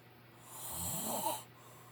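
A single loud, rattling snore on an in-breath, rising and fading over about a second.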